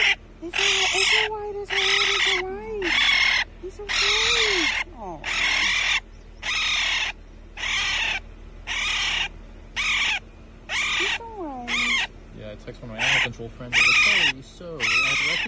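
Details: Rescued baby girl raccoon, severely underweight with barely any teeth, gives repeated shrill, chirping cries about one a second with short gaps; distress crying.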